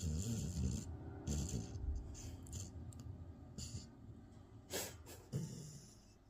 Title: My pit Oreo snores louder than me #shorts #pit #pitbull #animals #dog #snores #cute #reels